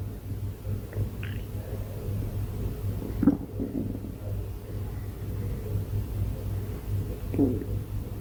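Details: Stomach growling: low, soft gurgles and a couple of brief squeaky rumbles over a steady low hum; ordinary borborygmi.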